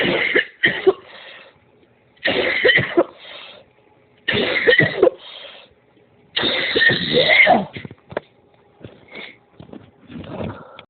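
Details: Adult coughing fit: repeated bursts of harsh coughing in clusters, later described as leaving a headache.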